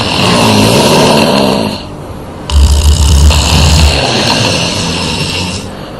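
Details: Five women, sisters and their mother, snoring while napping: loud, rough, rattling snores from more than one sleeper, with a deep rumbling snore in the middle.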